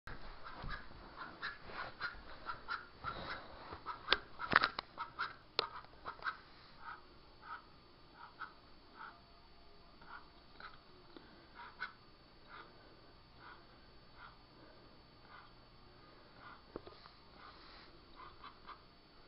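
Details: A pet coughs in a run of short, harsh, rapid bursts that gradually grow fainter.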